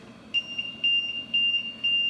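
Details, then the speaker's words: LTV 1200 travel ventilator alarm: repeating high-pitched beeps about two per second, unrelenting, sounding when a patient emerging from paralytic with insufficient sedation bucks the vent or gags on the tube; called the sedation alarm. "it won't stop it won't stop it'll just keep going and you hit this alarm over and over again but it'll be an unrelenting beep"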